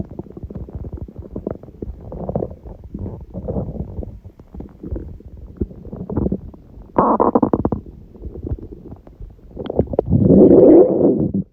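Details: Stomach growling (borborygmi) recorded at 1:30 a.m. after overeating udon at 19:30, the first gluten in a while: long rumbling, gurgling and squeaking from the belly that swells near the end, normal digestive gut sounds.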